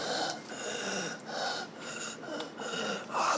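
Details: Repeated noisy, effortful breaths, about five in three seconds, in a dramatized hospital TV series scene; labored, rapid breathing from shortness of breath.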